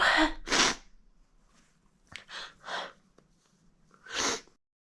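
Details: A rapid fit of about four sharp sneezes with short breaths between, sneezed directly toward the camera; sneezing fit.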